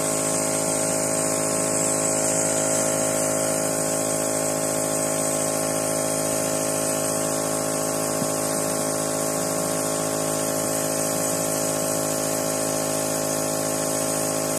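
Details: Steady mechanical hum and hiss of a nebulizer compressor running continuously during an asthma attack, with no breathing sounds clearly heard.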